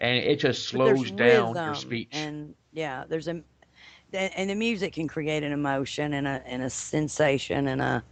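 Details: Adult speaker; typical fluent speech.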